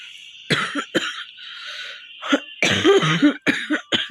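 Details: Series of repeated harsh cough bursts with brief breaths between, from a woman who says she has a real, bad cough from a cold, already easing.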